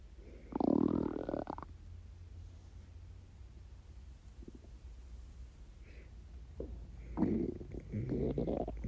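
Gurgling, rumbling stomach growls in bursts with quiet gaps between: hunger borborygmi from an empty stomach.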